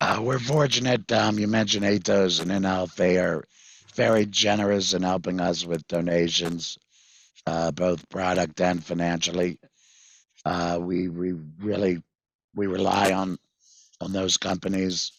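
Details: 66-year-old male with total laryngectomy in February 2019 for vocal cord cancer after months of hoarseness; voice prosthesis fitted September 2019, electrolarynx used before that; tracheoesophageal speech (voice prosthesis) after total laryngectomy.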